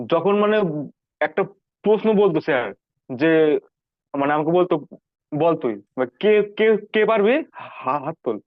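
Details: 19-year-old male recorded before online stammering therapy; stuttering.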